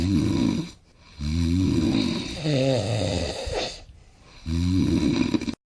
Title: Is Snoring Disturbing Your Sleep?